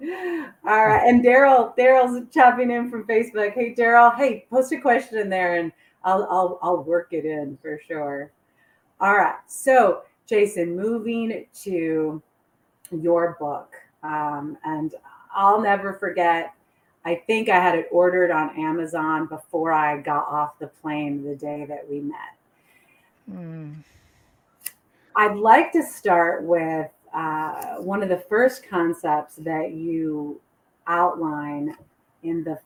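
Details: Adult woman; normal speech.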